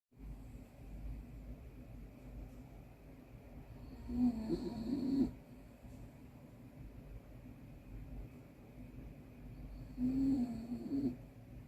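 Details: Sleeping miniature dachshund snoring loudly: two loud snoring breaths about six seconds apart over a quiet, steady background hum.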